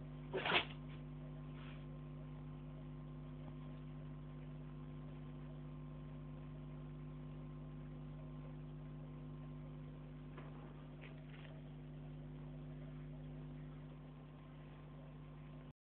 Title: Sneezing doggie